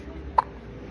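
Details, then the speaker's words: Baby boy repeatedly hiccuping while being held and soothed by his grandmother; a single brief, sharp hiccup over quiet room noise, a harmless hiccup. "Yes. God bless that baby with the hiccups. That's okay. Mhm. They'll go away."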